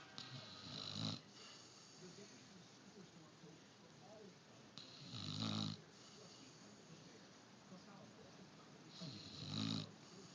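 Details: Three loud, rattling snores on the in-breath, about 14 a minute, with quiet breathing between them; ordinary snoring.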